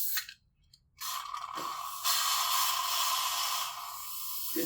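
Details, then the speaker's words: Child's dental cleaning: a small saliva-ejector "vacuum straw" is switched on and placed in water, giving a steady hissing, gurgling whoosh as it draws up the water. Dental suction. "Look, it's going to be noisy. It's a little vacuum. Put it in the water."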